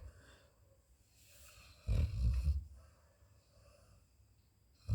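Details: Female Labrador snoring while asleep, making varied sleep sounds: a single deep, low rumbling snore in a quiet room.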